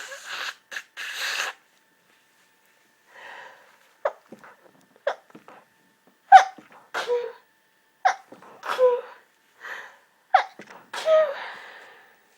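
Repeated short, sharp bursts of air with brief pauses between, a run of sneezes.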